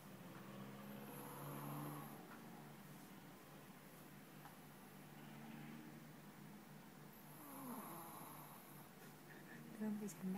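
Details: Soft, rough snoring breaths repeating over a low room hum from a sleeping dog, jokingly described as drunk; snoring.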